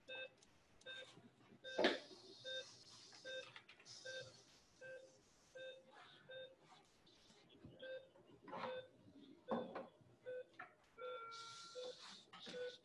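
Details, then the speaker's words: Simulated pulse oximeter during surgery with electrocautery: regular beeps whose pitch drops as the patient's oxygen saturation falls, with room noise and brief talk. "notice how the saturation begins to go down. Yeah, his saturation is going down a little bit."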